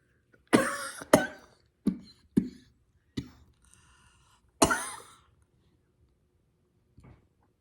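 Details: Adult woman feeling under the weather coughs while a chimpanzee grooms her: about six short, harsh coughs in a quiet room, the last one faint.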